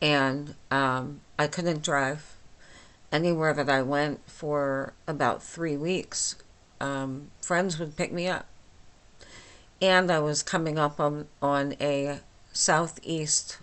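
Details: Dysarthria from myasthenia gravis in a 49-year-old woman with the disease since age 8, causing talking and swallowing problems; she speaks without her usual appliance, about two weeks after finishing Rituxan treatment.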